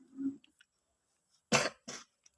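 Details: Child with cough and cold, reciting memorised Quran verses (Surah Al-Haqqah), gives two short, faint coughs in a quiet room.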